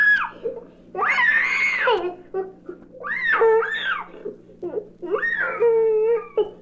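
A toddler gives three loud, rising-and-falling wailing cries with short gasping breaths between, over a low room hum; a protesting cry from a toddler with a mild cold.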